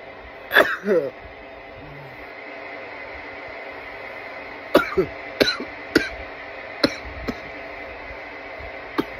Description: some coughing fits courtesy of my bong.